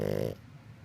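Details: Snoring in a pug: one brief, buzzy, fluttering snore fading into quiet breathing.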